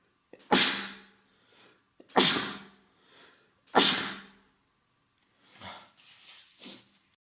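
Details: Adult man with a common cold, congested with a runny nose and sore throat: three forceful sneezes in quick succession, then sniffling and nose sounds. Repeated sneezing.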